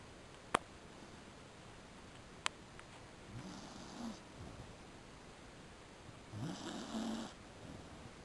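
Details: Truckey, a beagle, snoring during an afternoon nap: two soft, fluttering snores in a quiet room with a couple of sharp clicks beforehand; snoring.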